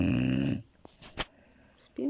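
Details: Sleeping dog named Asti: loud, rough rattling sound on each in-breath, then a pause before the next; snoring.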